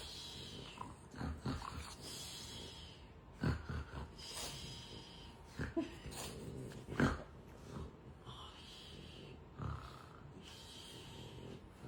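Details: French bulldog snoring in the owner's ear at night; irregular snorts and noisy rattling breaths from a flat-faced dog heard close up; snoring and snorting.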